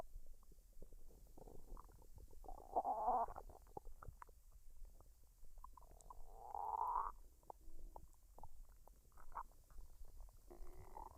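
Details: Woman's belly digesting a dinner of fried rice and duck, unedited, no talking: quiet, irregular gurgles and squeaky rumbles over steady low background noise. Normal bowel sounds (borborygmi).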